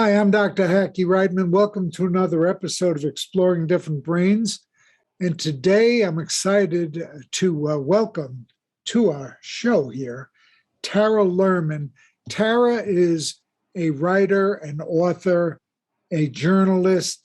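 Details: Adult speaker (show host); normal speech.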